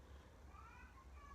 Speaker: The baby's awake again. You hear the baby crying, he's awake.